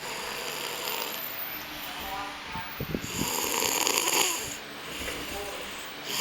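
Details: Adult snores with a rattling, fluttering burst followed by a rough, noisy breath over steady room hiss: snoring.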